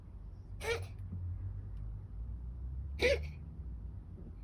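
Two short, sharp cough-like bursts from a dog a couple of seconds apart over quiet low room hum.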